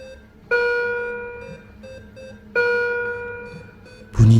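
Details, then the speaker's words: Dramatised horror-story narration set at 23:00 on a quiet night-shift hospital ward: repeating electronic chiming alarm from an elderly patient's bedside monitor at the end of the corridor, starting slow and getting faster; a patient monitor alarm. "Tepat jam 23 pagi waktu itu Wat masih sunyi. Dan tiba-tiba dari ujung lorong monitor salah satu pasien bunyi."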